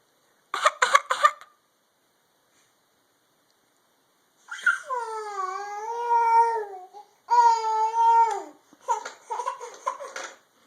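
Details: Young child with a terrible cough giving a quick run of three harsh coughs, then a pause and drawn-out fussy, whiny sounds in a small room: cough.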